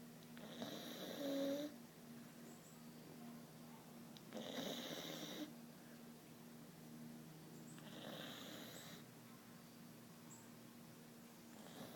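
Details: Snoring: three hissing, raspy snores about every four seconds, around fifteen a minute, over a faint steady hum.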